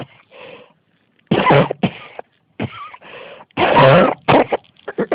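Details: Persistent cough.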